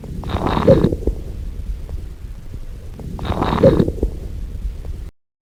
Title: Breath Sounds Crackels